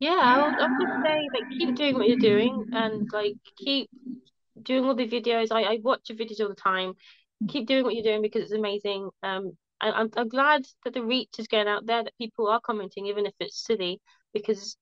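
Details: Young woman who has stammered since primary school and had speech therapy in primary school; stammering (stuttering).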